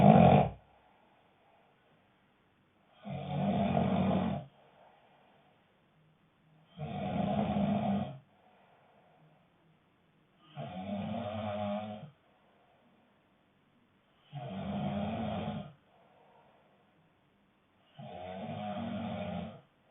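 Loud, rasping snores about every three and a half seconds, roughly 17 a minute, with silence between breaths: steady heavy snoring.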